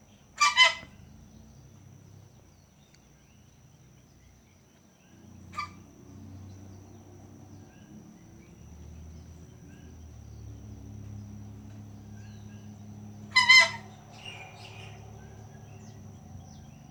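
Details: A gander gives two harsh, raspy cough-like bursts and one fainter one, with a steady low hum behind; respiratory whistling and coughing.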